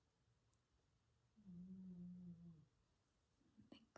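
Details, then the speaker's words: Pet napping soon after a burst of zoomies: one soft, low, droning snore lasting about a second in an otherwise quiet room, ordinary snoring. "Do we just add you can hear the snoring. Oh my goodness."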